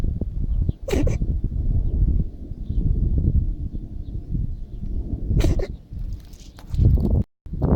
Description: My cat sneezing constantly during Season Changes.